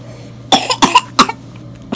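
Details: Hospitalized infant with pneumonia, fever spiking to 103.6°F, on IV fluids and antibiotics, coughing a lot while asleep. A run of three or four short, harsh, wet-sounding coughs.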